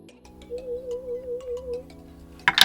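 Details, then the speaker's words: Play audiometry hearing test for a young child, a game-based listening test: a steady warbling "squeaky" test tone lasting just over a second, followed by a brief clatter as the child responds. "And this time Quinn, we're going to listen for a squeaky sound. Let's get ready to listen."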